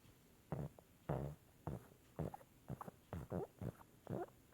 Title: Snoring at its finest